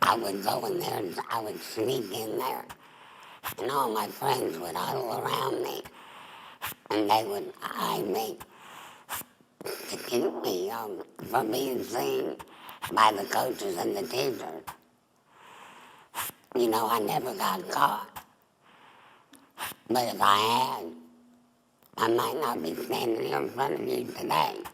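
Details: Adult woman, former smoker, with tracheoesophageal speech via a voice prosthesis after laryngectomy for squamous cell cancer of the larynx (earlier mouth cancer), with a neck stoma.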